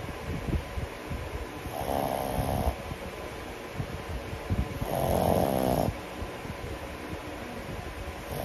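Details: 10-month-old pug dog asleep, snoring loudly: two long, loud rattling snores on breaths in, about 3 seconds apart, over quieter snuffling breathing.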